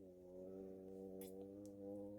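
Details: Pet pug snoring in the background while a person talks through a wire-wrap jewellery tutorial.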